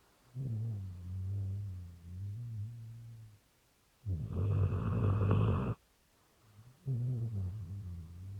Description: My rottweiler Lex is snoring in the middle of the night :)